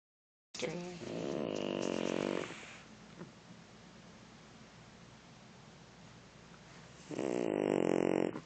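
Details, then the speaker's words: Dog snoring with eyes open, following the camera: two loud, rough, rattling breaths about five seconds apart, with quiet breathing between them. "Why are you snoring? I don't believe you."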